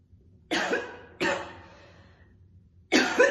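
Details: Woman chain-smoking two cigarettes, coughing heavily throughout with occasional spitting; three heavy, harsh cough bursts with rough, chesty trailing noise; smoker's cough.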